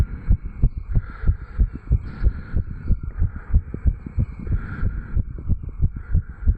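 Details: 35-year-old male after jogging, recorded at the tricuspid valve area: fast regular heartbeat about 94 beats a minute with clear lub-dub sounds; normal heart sounds raised by exercise.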